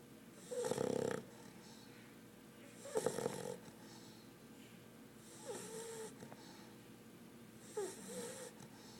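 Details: Four-month-old English Bulldog puppy sound asleep, giving four rhythmic, rattling snores with a humming tone on each breath, about 25 a minute: snoring.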